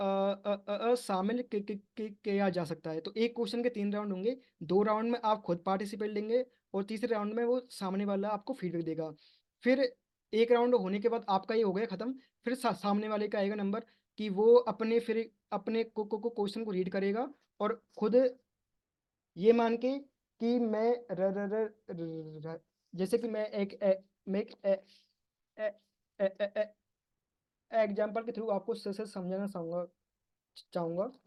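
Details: Man hosting an online stammering support group session in Hindi, using pausing and pull-out techniques; part-word repetitions; stuttering.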